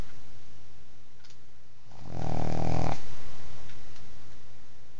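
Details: A sleepy pug dog: a single loud, rattling snore lasting about a second, low and rough, against quiet room noise; dog snoring.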